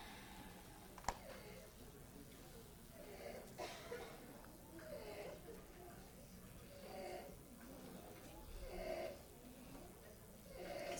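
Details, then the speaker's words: Child with severe croup, happy-looking at rest, with mild substernal retractions: harsh, high-pitched inspiratory stridor repeating rapidly at rest over quiet room noise. "So he's got a little bit of substeral retraction. So he doesn't sound very good. Now he looks as happy as he can be. He doesn't look like he's having a problem, but he sounds horrible."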